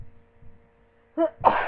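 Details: Person lying in bed with a cold, sneezing rapidly: a short voiced intake followed by one sharp, explosive sneeze.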